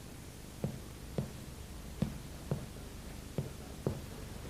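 Six short, soft finger taps with low, flat thuds that die away quickly in a quiet room: a dull percussion note over the liver.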